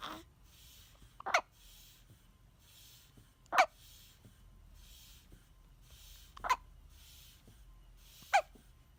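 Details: Baby with hiccups: four brief, abrupt gulping sounds spaced a few seconds apart.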